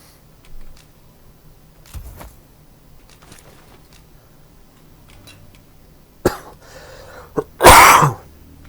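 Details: Dry cough recorded while playing a video game; a few short, harsh, dry cough bursts with no rattle against quiet room noise; a dry, non-productive cough.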